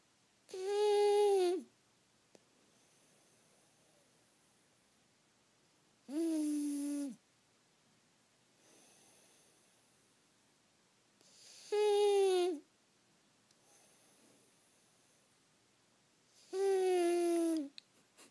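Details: Four long, tonal, droning snores roughly every five seconds in a quiet room from a sleeping pug dog; snoring.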